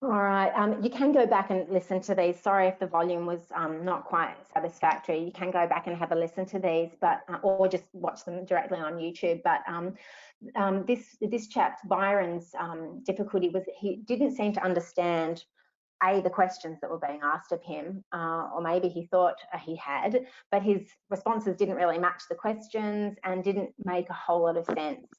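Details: Adult woman speaking; normal speech.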